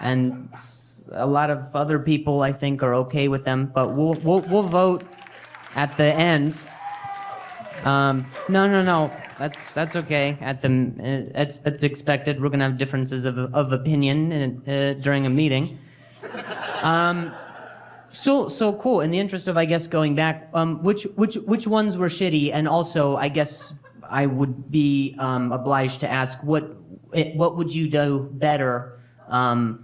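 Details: Male comedian who stutters, performing live stand-up in early 2021 while responding to a heckler, who says noises heard while he talks make him stutter badly; stuttering.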